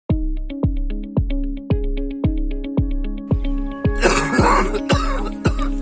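Acted adult coughing, a short harsh burst or two, heard over loud rhythmic background music.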